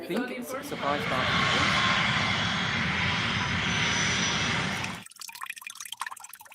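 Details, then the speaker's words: Simulation of normal hearing, for comparison with mild, moderate, severe and profound hearing loss: loud engine-like roar then quieter clicks and voices, heard full and clear. "bom então essa foi a a opção normal agora a gente vai passar pelas outras perda de audição"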